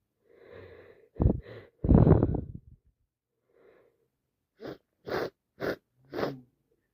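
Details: Two or three wet, explosive sneezes with sharp inward breaths, then short sniffs or snorts, from a person with a cold plus allergies; repeated nonstop sneezing, in real time.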